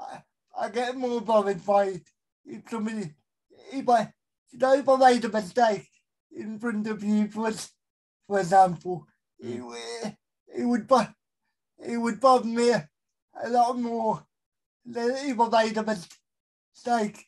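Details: Adult male with a severe type of cerebral palsy; dysarthria (cerebral palsy).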